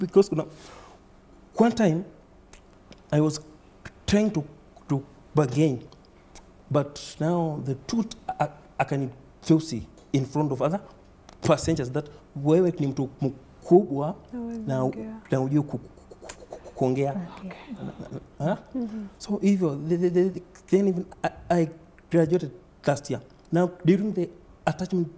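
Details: Adult man who has stammered since about age four, reporting repetition, effortful blocks, prolongation, added syllables and word avoidance; stuttering.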